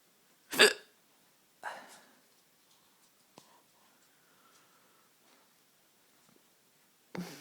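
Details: Person with sharp, sudden gulping hiccup sounds, three in about seven seconds, in a quiet room; hiccups.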